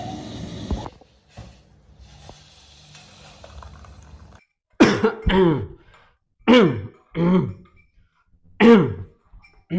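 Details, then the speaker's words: Four loud, harsh, separate coughs from an adult acting a tuberculosis patient in a staged skit. The character has been on TB medication for three weeks and is told he is no longer contagious. "We Din wat kok wis kayak truk mogok grok grok grok. Jangan-jangan kok kena kutukan TBC."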